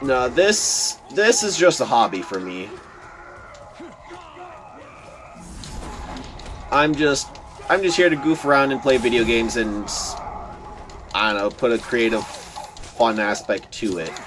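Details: Adult man who says he stutters a lot, giving casual commentary over gameplay; word repetitions are heard. Finding: stuttering.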